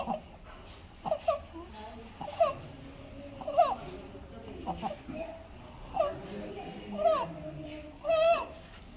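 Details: 1.5-month-old infant, sleeping comfortably, probably in hospital: each breath carries a high, crowing squeak on breathing in, the inspiratory stridor of laryngomalacia.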